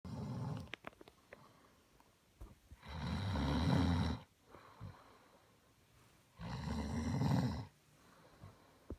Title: Got CAUGHT snoring!!!